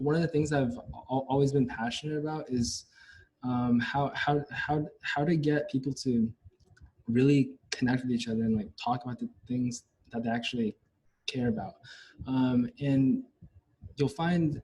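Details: Chinese-American male university neuroscience student who has stuttered all his life, with speech therapy experience, showing part-word and word repetitions; stuttering.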